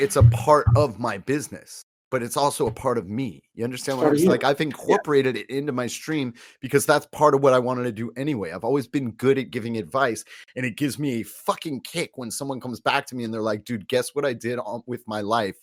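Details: Adult male speaker; Normal conversational speech.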